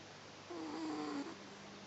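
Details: Newly adopted pet cat snoring while asleep: a single soft, droning snore with a slightly purr-like buzz on the breath.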